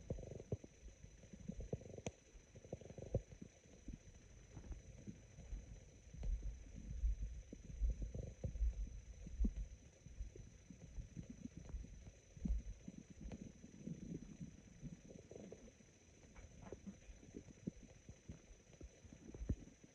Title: Very sparse and raspy stomach growls